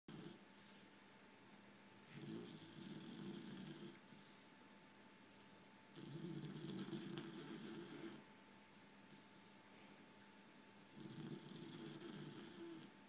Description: Pretty sure Gypsy needs a cpap machine.